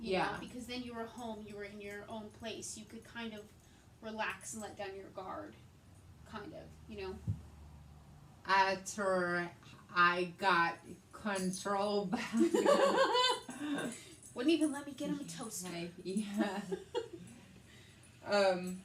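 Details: Woman with aphasia after a hemorrhagic stroke in May 2020 treated with brain surgery, also with right-sided hemiparesis and reading and writing difficulty; aphasia.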